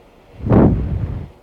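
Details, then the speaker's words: A Philips CPAP machine used for sleep apnea starts up, giving a brief low rumbling whoosh of air that pushes air toward the mask and into the lungs. "That's the sound that is basically air pushing into your lungs."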